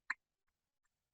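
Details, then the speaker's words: Clicking during bottle feeding in an infant with a high-arched palate, from lingual stripping leaving a gap between nipple and palate, using a controlled-flow vented bottle: one sharp click then two faint clicks. "and you can hear that little clicking sound and that clicking sound is because she has a high arched palette"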